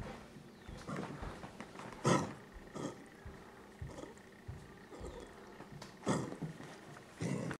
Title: Coughing Dog